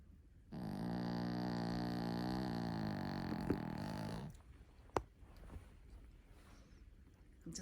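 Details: One long, loud, rattling snore then quiet breathing from Lacey, a small Shih Tzu dog sleeping soundly, recovering from eye surgery; loud snoring.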